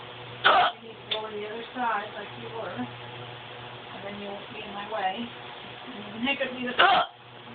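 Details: Person with hiccups lasting about 10 minutes, or maybe five: two sharp hiccups, one near the start and one near the end, with quiet talk in between.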